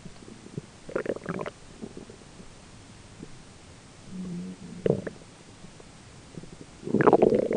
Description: This is just my belly grumbling away, but boy, I'd love to be that cat in the random picture :p